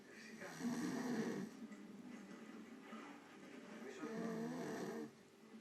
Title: Oh ,what a snoring